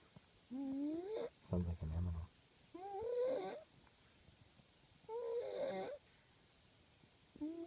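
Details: Baby snoring while asleep, squeaky rising whines on each breath with a brief snorting rattle; noisy sleep breathing, light snore.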